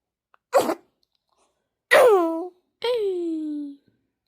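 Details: A 24-day-old newborn sneezing: a short breathy sneeze, then two high, falling, voiced sneezes or squeaks.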